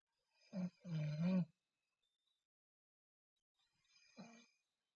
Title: Sleeping Girl Snoring Mouth Open